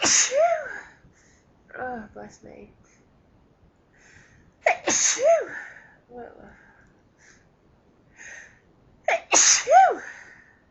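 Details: Person who had been pinching their nose to hold back sneezes finally lets the fit come; three loud sneezes, each preceded by a sharp indrawn breath, with quieter stifled sounds between.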